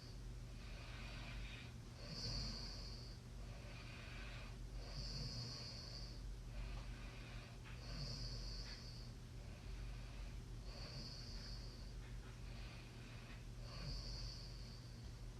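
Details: Regular rattling snores on each breath, about 21 breaths a minute, over steady room noise; snoring during sleep.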